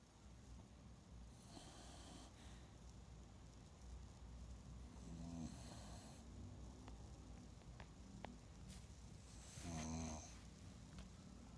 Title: snoring gently, June 19th 2021